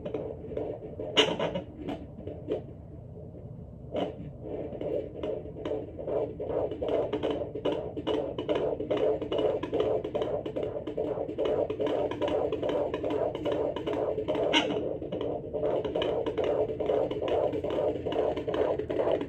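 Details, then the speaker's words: Fetal heartbeat at 18 weeks of pregnancy, heard with a Sonoline B home fetal Doppler and gel on the lower abdomen while the mother lies down: rapid rhythmic whooshing pulses about 140/min over Doppler static. "but that was like a very good heartbeat that i got for you guys it was better than the one that i got for myself"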